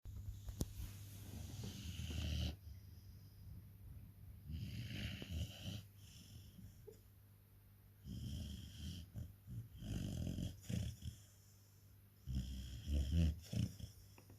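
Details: Rottweiler puppy napping, also twitching: low rattling snores in about four bursts with quiet gaps, each with a faint whistle; snoring during sleep.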